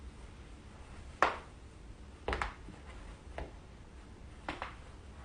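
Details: Several sharp, brief pops and clicks in a quiet room: joint cracking.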